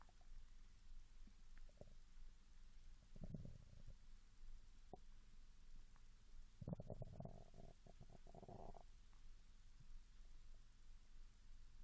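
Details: Japanese girl's empty stomach, unfed for 16 hours, growling after drinking mineral water, recorded with the device held directly near the stomach: quiet low gurgles and longer squealing rumbles; normal hunger growling (borborygmi).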